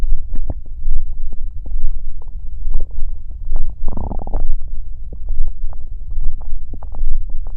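Deep gurgling and rumbling with bubbling pops and a longer growl midway; ordinary stomach growling.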